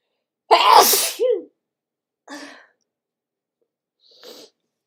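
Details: Self-recorded adult sneezing on waking, with a stuffy nose attributed to cooler weather, not sick: one loud explosive sneeze then two softer bursts; sneezing.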